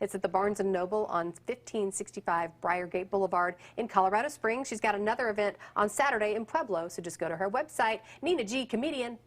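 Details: Adult woman; fluent speech.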